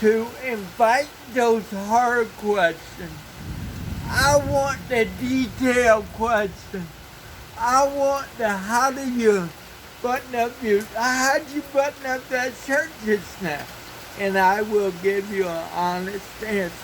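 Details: Cerebral palsy speech (dysarthria) in an adult man with cerebral palsy.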